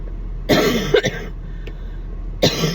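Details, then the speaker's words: Adult with a horrible cough that began the day after an ER visit for severe chest pain, later tasting blood and diagnosed with severe bronchitis (earlier told not bronchitis): two harsh, loud coughing episodes, a quick double burst then a single hack. "Um, I went to the ER last week with severe chest pains and um, then the next day I started coughing and it sounded like this and it's just kind of not went away."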